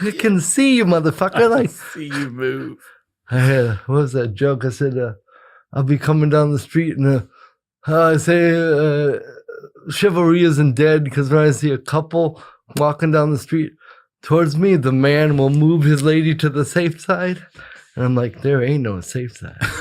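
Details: Speech of an adult man with cerebral palsy; no specific speech disorder is named.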